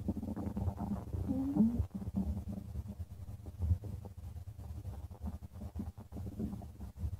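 Low gurgling and rumbling with soft bubbling, typical of stomach growling.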